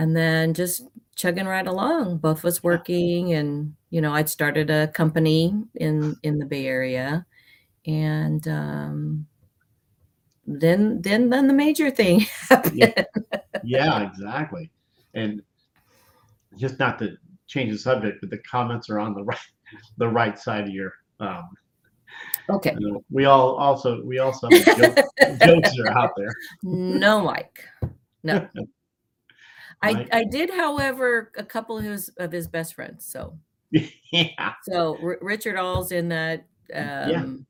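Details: Adult woman with aphasia after a traumatic brain injury from a car accident in May 1990, about 30 years earlier; she says it worsens when she is nervous. She also has mild one-sided low-tone hearing loss.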